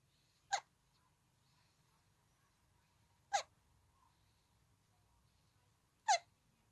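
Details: Three short, sharp squeaky hiccups about three seconds apart in a quiet room: very cute hiccups.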